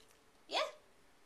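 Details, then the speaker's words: A dog with the hiccups: a single brief, sharp hiccup-like gulp in a quiet room. The hiccups were later startled away. "No, he has the hiccups. You okay, Rig Bear? Aww. I've never seen a dog have the hiccups before."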